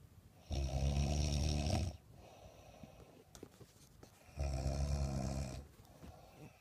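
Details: Person snoring heavily: two loud, deep, vibrating snores on breathing in, each over a second long, with quiet breathing out between.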